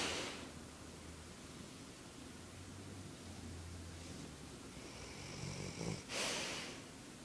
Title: Wilma Snoring